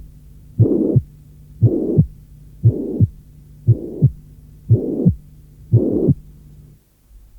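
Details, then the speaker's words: Tricuspid regurgitation: regular heart sounds at about 58/min with a blowing murmur filling systole between the two sounds, loudest at the lower left sternal border and clearly louder during inspiration. "Son intensité maximale se situe à l’extrémité inférieure gauche du sternum et il s’accentue nettement pendant l’inspiration."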